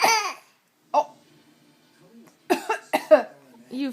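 A young infant gives short, voiced, cough-like bursts, an imitated cough rather than a true one.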